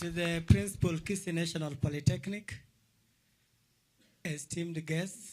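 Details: Adult male speaker; plain speech.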